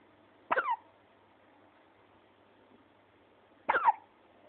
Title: has the Hiccups